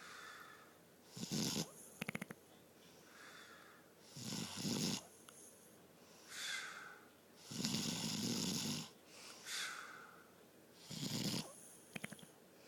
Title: Funniest snore ever